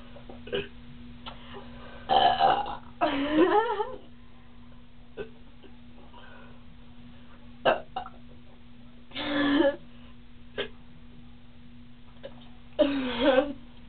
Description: me burping as much as we can!!!and this si one we r drinking creme' soda.....see the next one.!